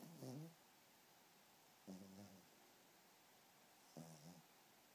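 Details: Soft rhythmic snorting breaths about every two seconds, roughly 30 a minute, from a sleeping Pomeranian puppy, over steady room hiss; snoring.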